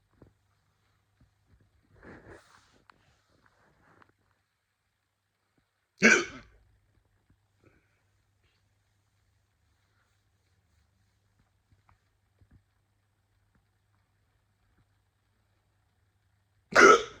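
Two sharp, abrupt bursts about ten seconds apart in a quiet room, with a faint sound earlier; consistent with recurring hiccups.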